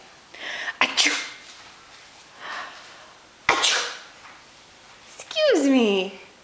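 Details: Infant who is crawling: two sharp, explosive sneezes, then a short high vocal sound; sneezing.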